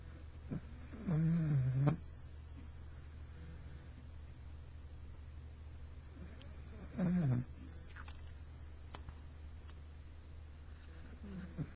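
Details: Snoring recorded in 2009 with a Flip Video camcorder: two soft, low, fluttering snores several seconds apart over a steady background hum.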